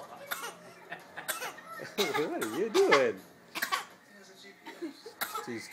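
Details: An infant makes several short, deliberate cough-like bursts mixed with wavering, growly voice sounds, practicing voluntary coughing.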